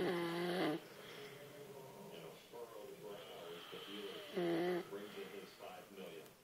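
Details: Father snoring heavily overnight: loud tonal snorts and whistling, rumbling breaths repeating throughout, with a droning, almost voiced quality.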